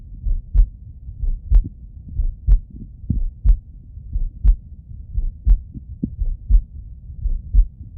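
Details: Steady, regular heartbeat in a male through a stethoscope at about 60 beats a minute, each beat a paired lub-dub of low thumps.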